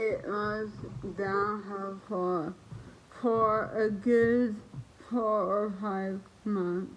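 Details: Woman who lost the ability to speak properly about a year and a half earlier due to an autoimmune reaction to a virus; dysarthria.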